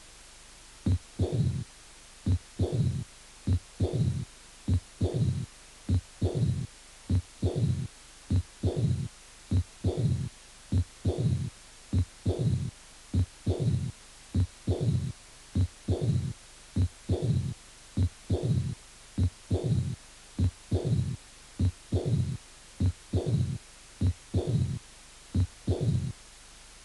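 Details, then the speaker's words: Severe aortic regurgitation with early diastolic murmur and an Austin Flint murmur mimicking a low diastolic rumble, over regular heart sounds. "insuficiencia aórtica severa con soplos diastólico precoz soplo de austin flynn que simula un retumbo diastólico"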